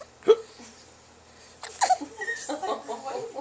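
A couple of brief, abrupt hiccup-like catches, followed by soft vocal noises; hiccups.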